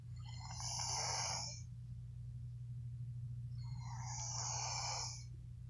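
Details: Sleeping person snoring: two loud, harsh, rasping snores about 3.5 seconds apart, roughly 17 breaths a minute, over a steady low hum; snoring.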